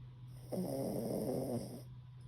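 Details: Pomeranian rescue dog exhausted after a walk and bath, asleep with chin on owner's foot: a single low, rattling snore on one breath, steady room hum; snoring.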